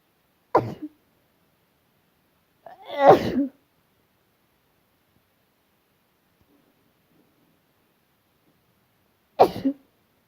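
Three short, sharp explosive bursts spaced apart in a quiet room, fitting sneezes.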